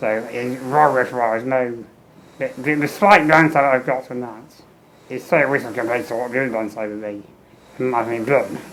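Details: Adult man with muscular dystrophy and low lung capacity, tracheostomy for 15 years, ventilator-dependent, fenestrated tube, speaking valve in ventilator circuit, air leak around trachea; ventilator-timed phrasing with tracheostomy speech.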